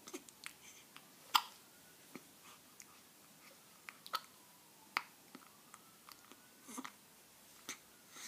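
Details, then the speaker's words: Baby with hiccups: soft, sharp catching sounds recurring irregularly, about 17 a minute, in a quiet room. "Oh, my baby have the hiccups."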